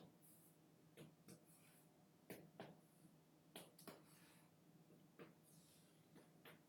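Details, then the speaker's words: Finger percussion with fingers held horizontally in the intercostal spaces over the back of the chest during a pulmonary assessment: a series of hollow taps giving a resonant note, normal over healthy lung. "and there will be the end of the precaution again I am supposed to hear resonant sounds which are completely normal"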